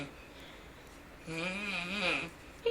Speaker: He appears to be doing a crunch with each snore. And the cat, well, she's not amused. It's either disturbing or the most hilarious thing in the world.